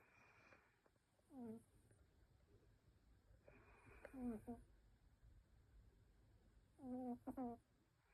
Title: Knackered…..snore